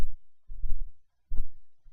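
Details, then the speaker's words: A small bulldog sleeping in a living room gives two low, rough rumbling bursts in quick succession; loud snoring. "c'est mon chien c'est un petit bulledog et je confirme ça ronfle énormément donc vous inquiétez pas si vous entendez le bruit derrière"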